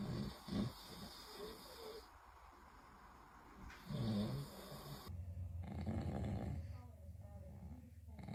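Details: Father snoring in sleep, disturbing the baby: rough, low rattling snores and snorts with brief pauses between breaths and soft background noise.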